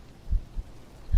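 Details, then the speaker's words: Soft, low heartbeat thumps in a paired lub-dub pattern over a quiet background, played as an ASMR heartbeat sound. "So go ahead and do some heartbeat."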